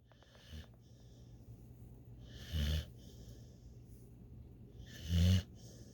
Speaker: She snores so intently that her leg raises up and her ears wiggle.